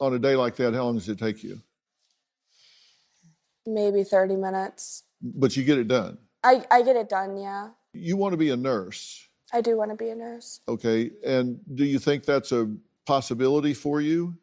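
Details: Two adults in conversation, one female; Normal conversational speech.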